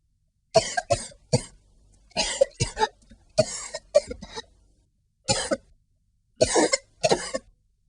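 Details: Cough in a 1998 South African public service announcement with Santa fundraising for tuberculosis sufferers.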